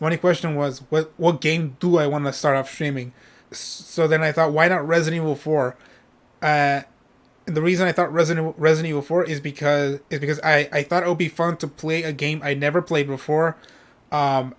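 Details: Adult male who states he stutters when speaking and often repeats himself, with word and part-word repetitions; stuttering.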